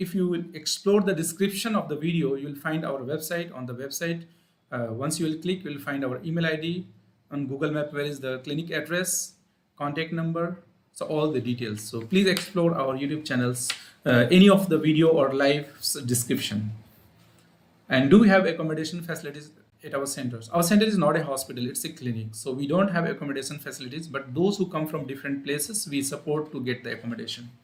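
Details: Adult male speaker; normal voice.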